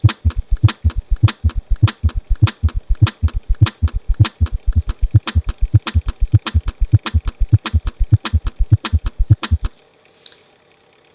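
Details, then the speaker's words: Pediatric teaching recording: a gallop rhythm (S3/S4) at a stated heart rate of 80, with rapid, regular low heart sounds in a three-beat galloping pattern. "طب هنسمع بقى الجلب لما يكون الهارت ريت 80 هنسمع الصوت دوت"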